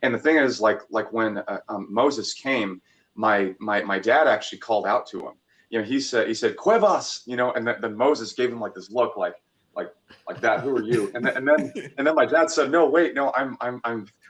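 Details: Stuttering in a 26-year-old man who stuttered a lot as a child, had speech therapy, and still stutters from time to time; repeated words in this stretch.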